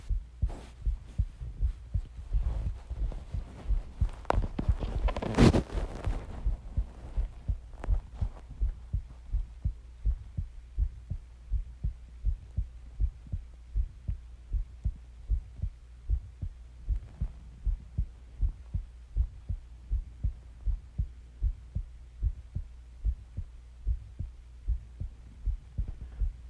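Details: Steady low heart thumps at about 80 beats a minute after brief early rustling, from a long home recording of heartbeat and breathing sounds: a normal heartbeat.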